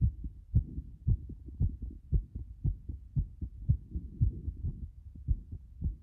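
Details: Heart sounds at about 110 a minute with uneven spacing, some beats early and closely paired; frequent ectopic beats, an arrhythmia.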